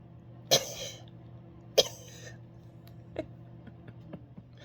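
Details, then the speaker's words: Adult imitating a child who coughs deliberately in the adult's face when told no: two sharp, short coughs, then fainter throat noises. "When I tell him no on something, he'd go right up to my face and cough in it."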